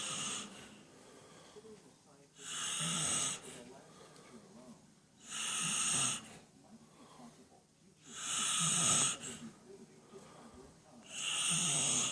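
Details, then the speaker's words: Sleeping man who claims he doesn't snore, recorded at 9:58, reportedly usually ten times louder: loud, rasping inspiratory snores about 20 a minute with quieter breathing between. "And we're going to go in and listen to the guy who claims he doesn't snore. Here we go."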